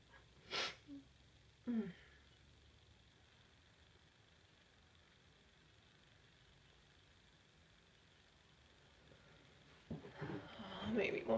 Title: really itchy sneezes